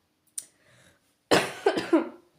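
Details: A brief throat sound, then a bout of three harsh coughs in quick succession; speaker wishes the cough would go away.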